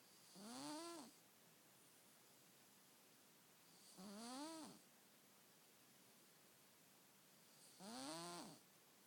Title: Cat Snore Symphony